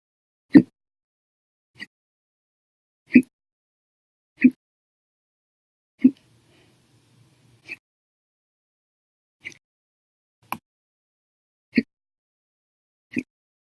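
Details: Violent, loud hiccups lasting 12.5 hours, after eating and drinking soda: sharp, isolated hiccups recurring every one to two seconds, roughly 23 a minute, in a quiet room.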